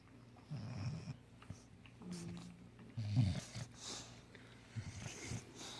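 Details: Napping bulldog snoring: irregular low snorts and snoring breaths with some room noise.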